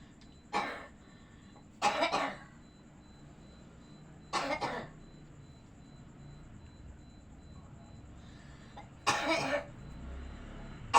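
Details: Acted cough: four short, separate coughs over about eleven seconds against faint room hiss, performed as a sick pocong ghost character with a cough who can't go home for the holiday.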